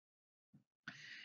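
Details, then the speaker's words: Sleeping dog snoring in the background during a read-aloud: a brief low rumble, then a loud, hissing, snort-like breath in a quiet room; snoring. "oh yeah you can probably hear the dog snoring in the background here it"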